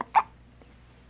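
A single short, sharp voiced hiccup from a baby, with a faint second one after: ordinary infant hiccups.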